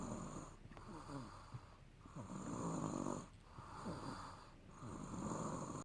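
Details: Rough, rattling snores with each breath in, about four heard, over steady high-pitched background noise; snoring.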